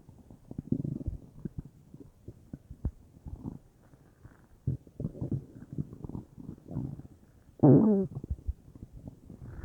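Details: Bowel sounds (borborygmi) from a bubbly belly, unsure whether stomach or intestines: irregular soft gurgles and bubbling with one louder rumble near the end, gas and fluid moving through the gut.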